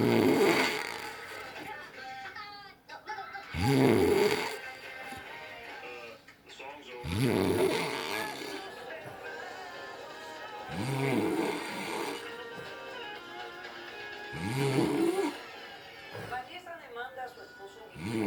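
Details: Snoring during sleep; loud rattling snores about every four seconds, roughly 15 a minute, with Spanish-language television talk and music in the background.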